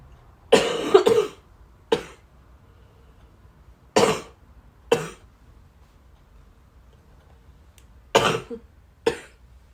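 Seven harsh, fairly dry cough bursts, some in quick pairs, separated by quiet pauses in a small room.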